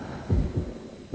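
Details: Two low, steady lub-dub thumps about 0.8 seconds apart, roughly 75 beats a minute, in a 1997 emergency response training tape on vital signs: a normal heartbeat.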